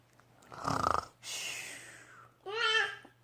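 A rough, rattling snore on the in-breath, then a long breathy out-breath and a short nasal whistle: snoring.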